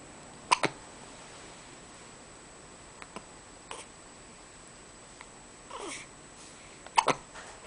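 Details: Hiccups with eyes open: brief, sharp catches a few seconds apart over faint room hiss.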